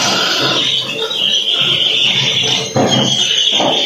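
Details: Chicken with snoring respiratory illness (ngorok): grunting, rattly breathing noises with rales over a steady hiss.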